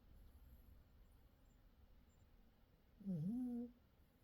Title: Sound up for the snores 🔊